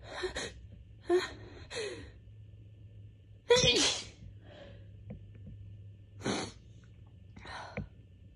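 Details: Allergic sneezing fit caught right before bed, during a week of bad allergies: several itchy sneezes with gasping build-ups between them in a quiet room.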